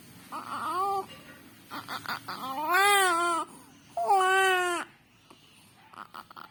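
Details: Infant girl with cough and cold, fussy and crying with a small voice that barely comes out: short fussy cries, somewhat small and strained; weak cry.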